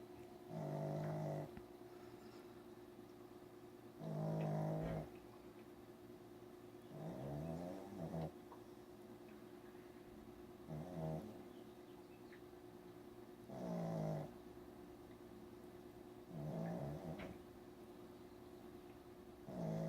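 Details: Regular rattling snores in ordinary sleep, about every three seconds (roughly 19 a minute), over a steady background hum.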